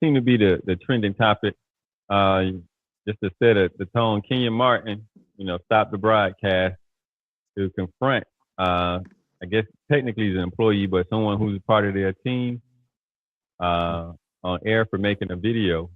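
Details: Adult male speaker; no speech disorder.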